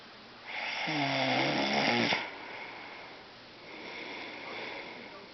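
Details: Person asleep: one loud, rattling snore on a breath in, then a softer noisy breath; snoring during sleep.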